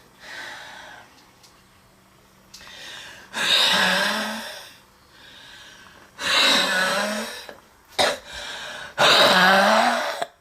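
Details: Girl overwhelmed by a relentless coughing attack gives repeated harsh, strained coughing bursts alternating with noisy, labored gasping breaths and wheezing.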